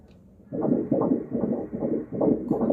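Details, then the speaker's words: Ultrasound Doppler of one twin at 16 weeks in a first pregnancy: rapid, regular whooshing pulses of fetal heartbeat, about 150 beats a minute; normal fetal heartbeat. "প্রথম pregnancy জমজ এটা একটা বাবু এটা heartbeat Hobbit একটু শোনাই"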